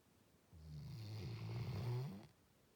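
One long, low, rumbling snore on a breath in, loud and rattling for nearly two seconds; dog snoring.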